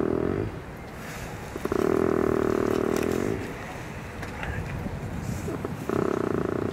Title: What does a snoring moose sound like?